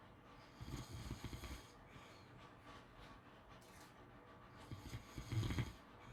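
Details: Snoring during sleep: low, rumbling, fluttering snores over a steady background hiss, two main snoring breaths about four seconds apart.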